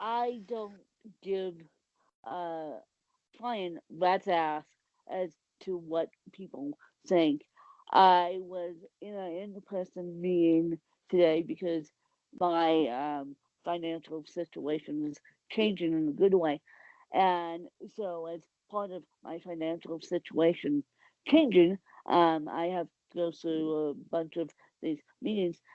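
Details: Adult woman with cerebral palsy; the specific speech difference is not named; dysarthric speech (cerebral palsy).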